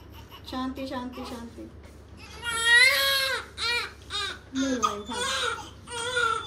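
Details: Short, rising and falling wails with brief pauses and quiet room sounds behind; a strong, ordinary cry from a newborn just delivered by C-section in hospital.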